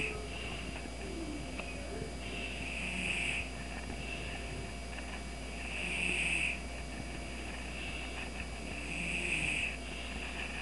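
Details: Cat asleep on a computer desk snoring: soft, whistling nasal snores about every three seconds over a steady hum of room noise.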